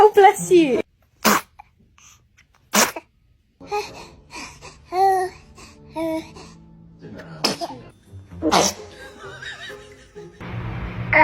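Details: Baby sneezing, reportedly for the first time: several short, sharp sneezes amid adult voices saying bless you, laughter and background music.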